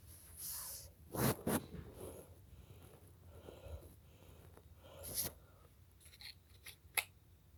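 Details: Sneezing triggered by black pepper: a few sharp bursts of breath in a quiet room, two close together and another later; small sneezes.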